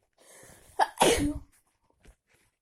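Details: Person cold after walking in heavy rain without an umbrella: quick indrawn breath, one loud explosive sneeze, short trailing breath; sneeze.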